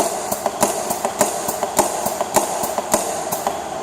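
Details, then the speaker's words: LUCAS mechanical CPR device demonstrated for paramedics, arms strapped, run by SCBA-bottle air: steady mechanical thumps at about 100 a minute over a constant hum, continuous chest compressions for two-minute cycles. "you place the patient's wrist sore arms in here so that their arms are not flailing away moving around and you go ahead and start CPR"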